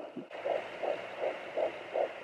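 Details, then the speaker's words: Home fetal Doppler held low on the belly at 12 weeks of pregnancy, described by the mother as her own heartbeat: regular rhythmic whooshing pulses over a steady Doppler hiss. "but I'm gonna show you guys like a little clip of the heartbeat so this is my heartbeat and you can tell here's the beat"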